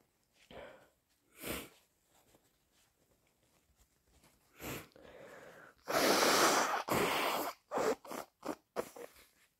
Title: Forceful, wet cold sneezes plus snotty blows